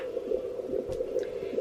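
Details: Home fetal Doppler at 8 months pregnant: rapid, rhythmic whooshing fetal heartbeat over a steady hum; fetal heartbeat on Doppler.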